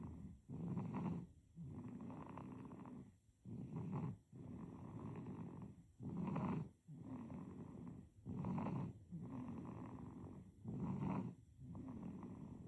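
Soft, rapid rattling snores with each breath in and out, about 25 breaths a minute, heard in a sleeping baby.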